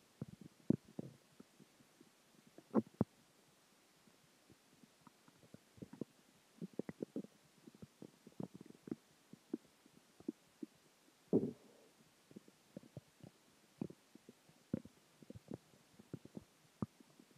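Scattered gurgles, squeaks and rumbles over quiet background, ordinary stomach growling from food, water and gas.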